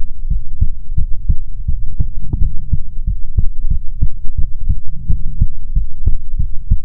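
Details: ASMR heartbeat recording: steady, deep, booming thumps of a regular heartbeat with a faint low hum beneath; heartbeat.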